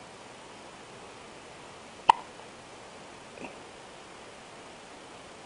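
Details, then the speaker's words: Hiccups in a 2-week-old baby boy: one sharp, abrupt hiccup, then a fainter second about a second later, in a quiet room. "you have hiccups again who gave you hiccups who gave you hiccups did daddy gave you hiccups the grandpa give you hiccups"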